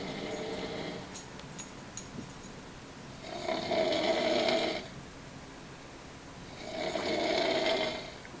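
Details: Person snoring during sleep: two long, rasping snores about three seconds apart with quiet breathing between; ordinary snoring.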